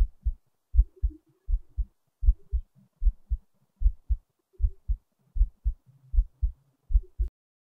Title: another heartbeat recording